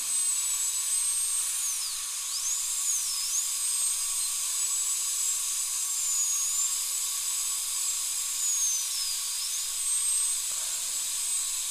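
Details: Continuous high-pitched whine of a high-speed dental drill cutting through the contact area of upper molar (tooth #2) with old amalgam filling, decay and crack, under rubber dam; brief pitch dips as bur meets tooth, steady hiss.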